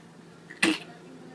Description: Watch Ikotch smell the K-pups and sneeze like he's having an allergy. Hilarious!